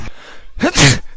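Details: A man's sudden, unannounced sneeze, from a sneeze compilation.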